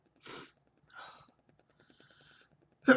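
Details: Man in an excessive sneezing bout, counting toward a record: a sharp intake of breath, then a short burst of a sneeze; one sneeze of the series.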